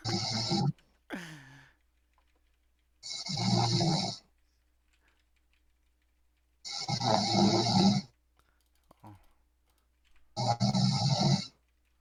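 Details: Snoring: loud, rasping snores about every three to four seconds, with quiet pauses between; ordinary snoring, background music nearby.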